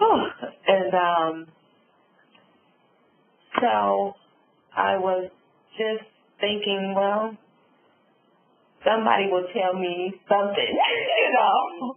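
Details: Adult female stroke survivor with aphasia and apraxia of speech following a subarachnoid hemorrhage and stroke; she reports sometimes being unable to think of the word.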